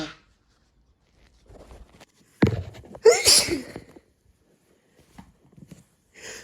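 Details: Hay-fever sneezing during a bad month, after cutting the grass, from a compilation of two sneeze attacks: a sharp in-breath, then a forceful sneeze with quiet rustling around it.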